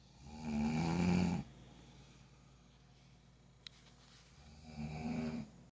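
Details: Snoring keeping someone awake: two deep, rattling snores about four seconds apart, with quiet breathing between them.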